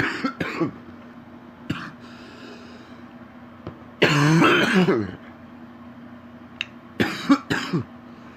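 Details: Adult man with very stuffy nose gives several deep, rattling coughs, throat clearing and a long gurgly spell bringing up mucus, over low vehicle hum; wet productive cough.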